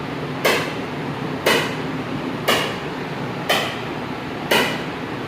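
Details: ESWL of a roughly 13 mm left kidney stone, with the patient lying relaxed and still: sharp, regular cracking bursts about once a second over steady machine hum; lithotripter shock waves.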